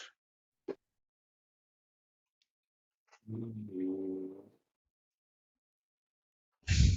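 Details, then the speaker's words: French bulldog asleep in the background of a live-streamed game, picked up by a microphone; a single low, rumbling snore between faint clicks and room noise: dog snoring. "i've been wondering is that your dog snoring in the background oh no you can hear him yes it is kind of comforting"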